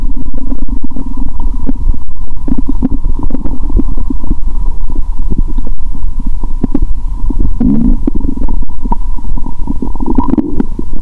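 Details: Stethoscope on own abdomen after fasting over 15 hours, during a cola-and-Mentos challenge: continuous loud low gurgling and bubbling; active bowel sounds.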